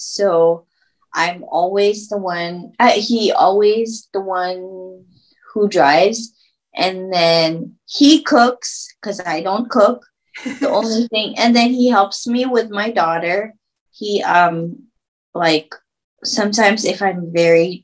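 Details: Woman who had a stroke at age 24, about 10 years earlier, with chronic post-stroke aphasia.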